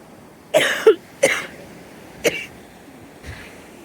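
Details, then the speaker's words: Adult woman with longstanding gut problems, bloating and menopause symptoms: a short run of harsh, forceful coughs she calls horrific, with faint room noise behind. "so all this stuff with my gut health affected my energy hear that horrific cough irritability"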